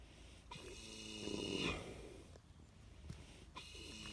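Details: 20-year-old in a deep doze, satisfied snoring: a long, rough, vibrating breath sound rises and fades, then a quieter stretch.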